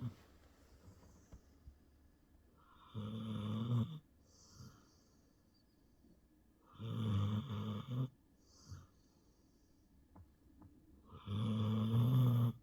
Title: Jasper sleeping and snoring